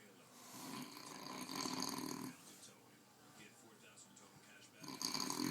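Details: Person snoring during a short power nap: two rasping, hissing snores separated by quieter breathing, with some background room noise.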